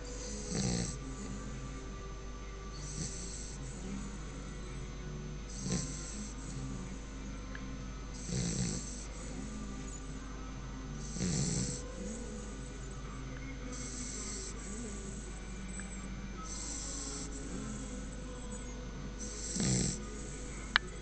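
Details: Soft, rhythmic, snorting snores every few seconds over a steady low hum, about nine breaths in twenty seconds; ordinary snoring.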